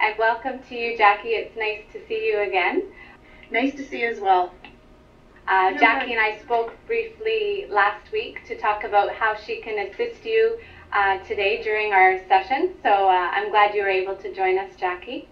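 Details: Adult female speaker, with a brief reply from a second speaker; ordinary speech.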